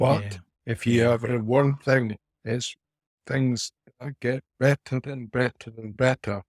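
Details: 49-year-old man with aphasia after a haemorrhagic stroke four years earlier; speech still inconsistent day to day, mixes up words.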